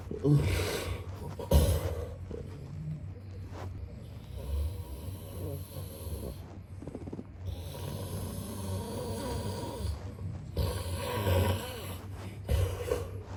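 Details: Snoring sound-effect recording of a man snoring: low rattling snores recur with each breath over a steady background hum.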